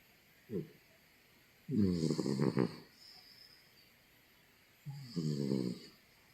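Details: A sleeping cat on a bed gives rough, rattling snores on the in-breath, with a brief snort before them and quiet breathing between, in a quiet room; snoring.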